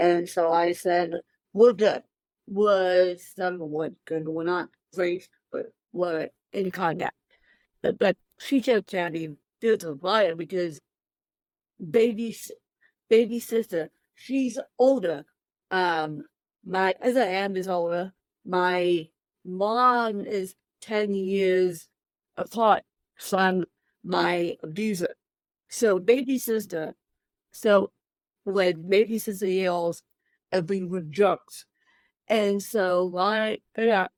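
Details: Adult woman with cerebral palsy since birth, born 13 weeks premature at one pound thirteen ounces, speaking in a real interview; dysarthria (cerebral palsy).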